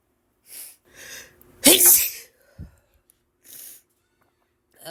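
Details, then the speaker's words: Woman with an itchy allergic sneezing fit, tagged ragweed allergies: soft sniffs and breaths build to one sharp, loud sneeze, then quieter sniffing; sneezing. "my gosh such a Sneezy day today guys I seriously cannot stop sneezing"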